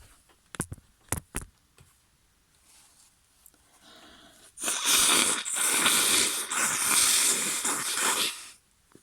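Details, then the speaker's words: Three sharp sneeze-like bursts, then a long loud noisy blast of sneezing and blowing, from a woman in an acted sneezing scenario with her nose tickled by a feather, complaining of being snotty. "Oh, I'm so snotty. I guess you also like that, huh?"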